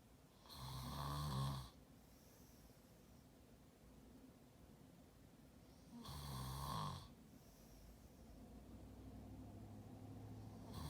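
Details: Man snoring while asleep: two loud, rough inhaled snores about five seconds apart, each followed by a quiet out-breath; slow snoring pattern.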